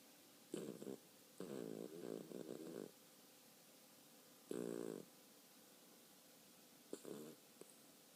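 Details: Pet dog sleeping and snoring: irregular buzzing, fluttering snorts in bursts, with quiet gaps between.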